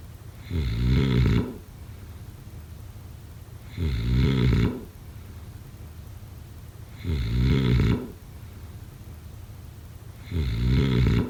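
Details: Snoring sounds during sleep.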